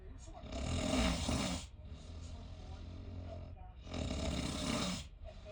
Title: My friend snoring… during cruise… sharing a room 😞😬😓